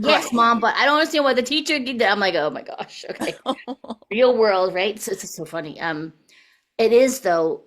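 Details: Adult woman speaking; typical voice.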